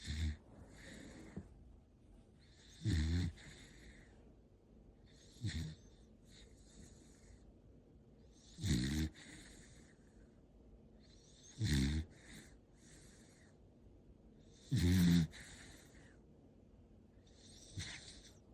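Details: An 8-month-old dog, said to snore like he's 80, gives loud rattling snores on each breath in, about 19 a minute, separated by quieter breathing; ordinary snoring.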